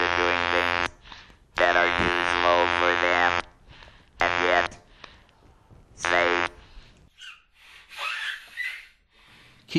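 Flat, steady mechanical buzz carries short bursts of speech, typical of electrolarynx voice after laryngectomy.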